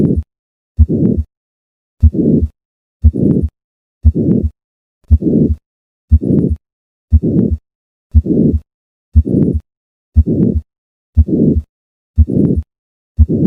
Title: HYPERTROPHIC CARDIOMYOPATHY – 4TH LEFT INTERCOSTAL SPACE | HEART SOUNDS | AUSCULTATION | MURMUR